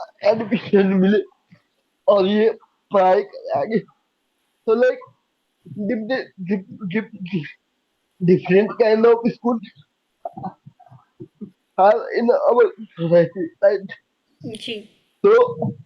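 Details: Young adult man with cerebral palsy diagnosed at age 2, unable to speak as a child and still needing double effort to speak clearly; dysarthria (cerebral palsy).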